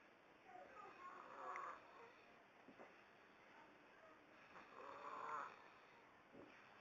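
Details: Quiet, airy snores with a whistling nasal edge from a sleeping boy with a booger partly blocking his nose, over steady room hum.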